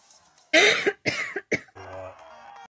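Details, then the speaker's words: Three harsh, hacking cough bursts from an adult runner, acted to show runner's cough after hard running, which sounds like a smoker's or sick person's cough. "when you run and you're really running hard you get something called runner's cough it sounds like you're a smoker or you're sick so after you run you go somewhere in public you start hacking everybody thinks you got the plague"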